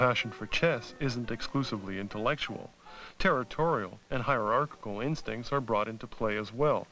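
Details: Adult male narrator; normal speech.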